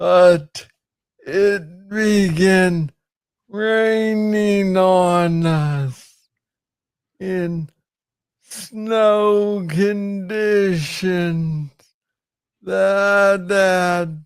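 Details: Man with Parkinson's disease, diagnosed in 2014 at age 35 after it was first misread as tennis elbow; real conversational speech with slow rate and long pauses; Parkinsonian speech.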